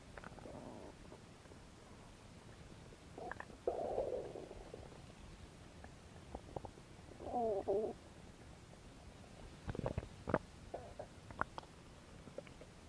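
Soft gurgles and bubbly rumbles with scattered pops and squeaks from the belly, ordinary stomach growling, over faint background hiss.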